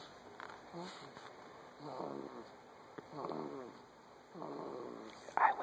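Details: Nine-week-old Ryder snoring like mad: three rasping, fluttering snores about a second apart, roughly 25 per minute, with quiet gaps between; ordinary sleep snoring in a young animal.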